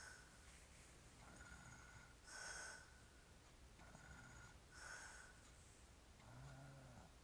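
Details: Adult man, described as drunk, sleeping: irregular rough snorting breaths about 25 a minute in a quiet room; snoring.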